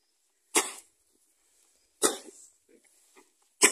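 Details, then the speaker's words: 28-year-old Shetland pony mare with chronic cough since winter, short diaphragmatic breathing and occasional mucus, suspected hay-related, after phototherapy: three short, harsh, dry coughs with gaps; equine asthma cough. "voilà il tousse tous comme ça depuis cet hiver des fois beaucoup plus fort"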